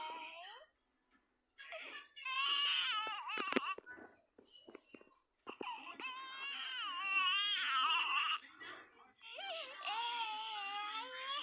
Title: baby out oof hiccup crying